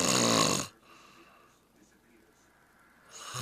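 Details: Loud, harsh rattling snore then a quiet pause before the next, recorded on a Flip Video camcorder; ordinary snoring.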